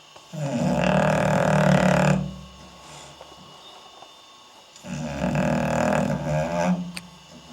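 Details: English Bulldog sleeping, filmed on night-vision camera, with belly rising and falling: two long, loud, rough rattling snores separated by a quiet pause. Heavy snoring of a flat-faced dog.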